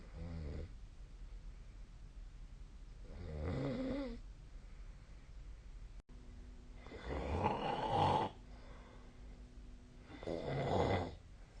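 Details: Sleep snoring recorded with the SnoreLab app: slow, rough breathing with a snore on each breath, about four breaths in twelve seconds.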